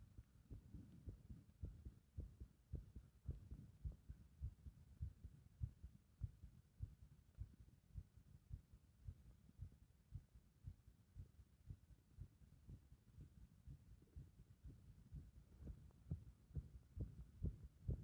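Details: Irregular heart rhythm brought on by compression: muffled, low heart thumps at about 107 a minute, unevenly spaced and varying in loudness.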